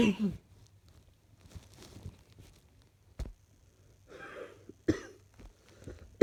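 Several separate coughs, about four sharp bursts, with quieter throaty, slightly rattly sounds between them in a quiet room; a mildly chesty, loose-sounding cough.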